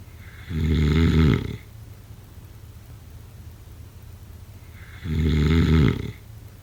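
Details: Heavy snoring during sleep: two deep, loud, rumbling snores about 4.5 seconds apart, each lasting about a second.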